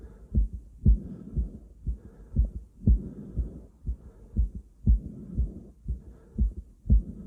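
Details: Self-auscultation of own chest with a stethoscope: regular low thumping heartbeats with soft rushing heavy-breathing noise rising and falling between them.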